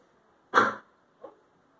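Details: Cough from a subject whose identity and species are not stated.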